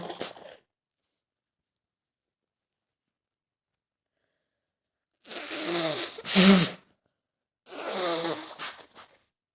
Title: Scenario: Sick girlfriend sneezing at home (F) | sneezes | sniffling | nose blowing | coughing